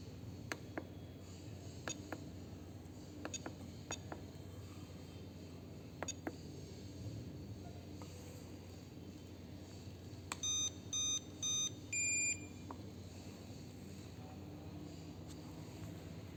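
A few scattered clicks, then three short electronic beeps and a longer tone: a dental x-ray unit signalling an exposure.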